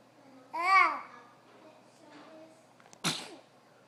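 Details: A 9-month-old baby's playful fake sneeze: a short babbling sound, then one abrupt, small sneeze-like burst of air, imitated rather than a real sneeze.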